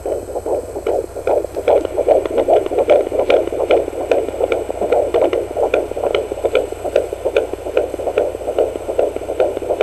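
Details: Fetal Doppler at 14 weeks 5 days of pregnancy: fast, regular whooshing pulses about 146 per minute; normal fetal heartbeat.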